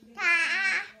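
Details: Baby with a cochlear implant vocalizing between therapist prompts during a Hindi counting speech therapy session; early speech attempt by a child with a cochlear implant.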